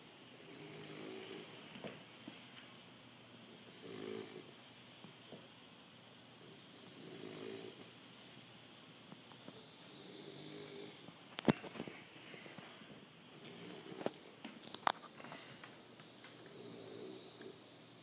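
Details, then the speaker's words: Male bully dog snoring while asleep: soft, regular snoring breaths, about 18 a minute, with a few sharp clicks in a quiet room. "Listen to the little guy sleep and snore. He's so cute."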